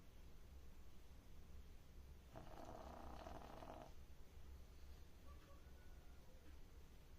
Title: pug snoring loudly 😴🐶 #doglover